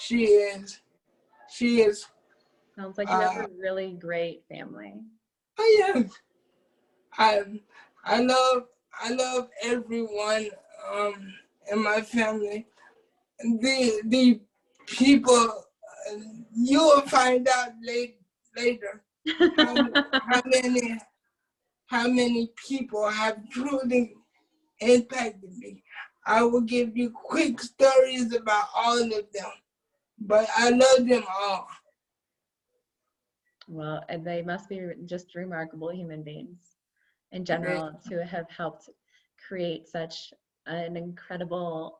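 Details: Adult man with cerebral palsy who uses a wheelchair, whose family was told by doctors at birth that he would not be able to speak; speech in cerebral palsy (dysarthria).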